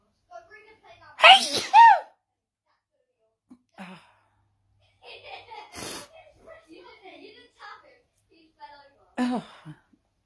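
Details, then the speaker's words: Sneezing fit, possibly triggered by feeling a bit cold, the third in two days: several loud sneezes in quick succession with brief breathy pauses and faint talk between; repeated sneezing makes the sneezer feel hot. "I think what's triggered off my sneezing today is I'm a bit cold. That sometimes triggers it."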